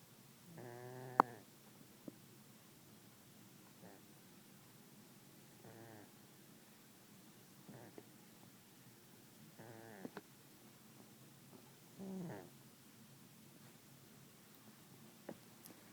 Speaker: yall want to see something funny a cat who snores